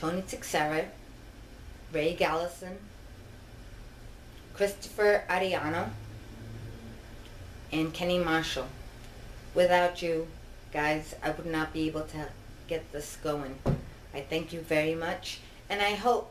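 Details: Adult woman with genetic ataxia (Machado-Joseph disease), diagnosed around 2000 and disabled since 2013, which impairs her balance, vision (double vision) and speech; ataxic dysarthria.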